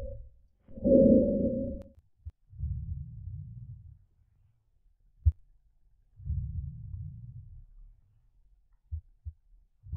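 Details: Simulated normal breath sounds from an iPax auscultation simulator sample case, with heart sounds switched on or off, the chest piece moved over the front and back of the chest; normal breath sounds.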